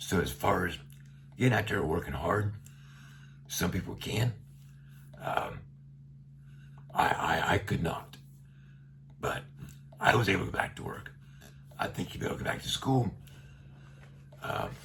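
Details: Adult man with a tracheostomy for about a year after neck cancer, speaking through a one-way speaking valve; radiation brought his vocal cords very close together; voice he calls gravelly and not loud. Finding: dysphonia with tracheostomy speaking valve.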